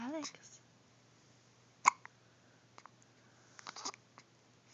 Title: Darn hiccups